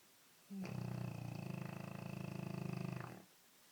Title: Snoring dog